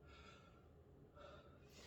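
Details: 32-year-old man taking repeated deep breaths in and out while a nurse palpates chest expansion during a respiratory assessment, with even, equal expansion: normal deep breathing.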